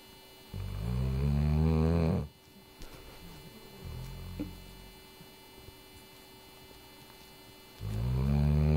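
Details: Ruby snoring: deep, rumbling, voiced snores about one and a half seconds long with a soft breath between, over a low room hum.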